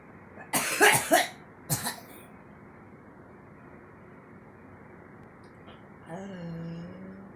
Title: girl coughing